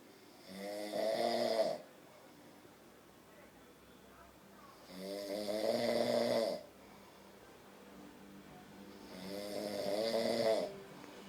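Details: An adult man asleep gives three loud, buzzing snores on the in-breath, about fourteen a minute, with quiet room hiss between them: regular snoring in sleep.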